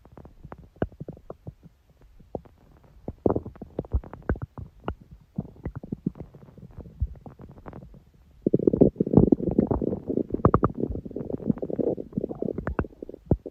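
Irregular gurgles and pops, then a longer rumbling growl; ordinary stomach growling from gas and fluid moving through the gut.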